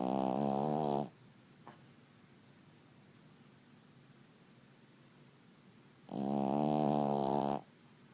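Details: Sleeping, snuggling puppy: two loud, buzzy sleep sounds about five seconds apart separated by quiet; snoring.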